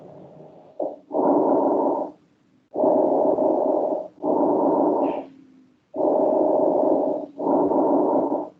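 Smooth, soft airflow noise in even in-and-out cycles, about 19 breaths a minute, with no crackles or wheeze: normal breath sounds.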